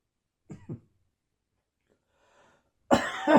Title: Intermittent Post-Viral Coughing